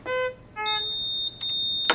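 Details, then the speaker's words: Puritan Bennett 840 ventilator switched on before its pre-use short self-test (SST): a sequence of clear electronic tones at different pitches ending in a click, its normal start-up sounds. "go to the on/off switch and turn the ventilator on when you turn it on its gonna make a whole bunch of different sounds"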